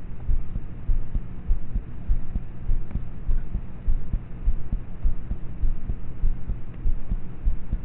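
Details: Own heartbeat of a person about thirteen, recorded at night in bed with a cheap mp3 player microphone: faint, muffled low thumps at about 100 a minute under steady hum; normal heart sounds, poor quality.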